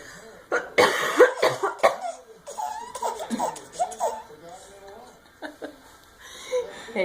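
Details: Mother coughing, several short harsh cough bursts, while her infant giggles between them; plain cough.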